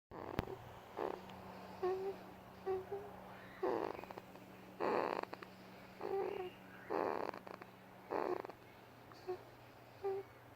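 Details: Baby boy sleeping: soft, regular rasping breaths with brief cooing sounds between them; light infant snoring.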